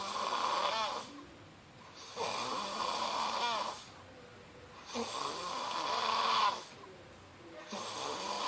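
Rhythmic harsh snoring on each in-breath with quiet pauses between, about 21 breaths a minute.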